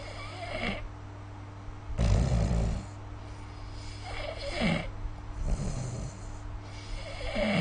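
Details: Snoring sounds during sleep, recorded with the SnoreLab snore-recording app.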